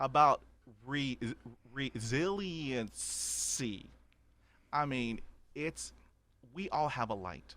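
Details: Adult man who has stuttered since childhood, describing about 80% fluency with blocks and repetitions after 20 years of speech therapy; stuttering.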